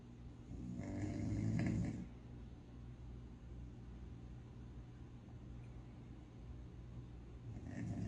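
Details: Sleeping puppy snoring: a loud, low rumbling snore rises and fades, with light fluttering breathing underneath.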